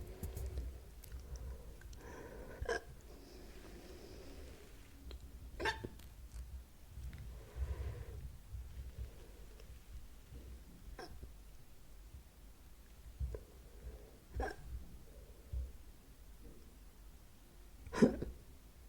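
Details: About six sharp, abrupt hiccups over almost twenty seconds, spaced irregularly against a quiet room background; ordinary hiccups.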